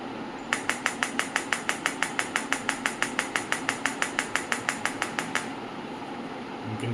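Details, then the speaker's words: Steady sharp clicks, about two a second for roughly five seconds then stopping, from a Biotronix PEMT loop pulsed electromagnetic field therapy device in multi-frequency mode, starting at 2 Hz before cycling to other frequencies. "In MF frequency you will hear all the sounds, all the frequencies we have selected before."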